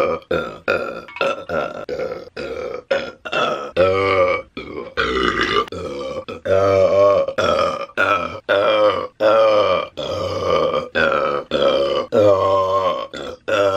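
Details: Burping compilation from an adult woman: many short voiced burps in quick succession, some longer and drawn out, for about fourteen seconds.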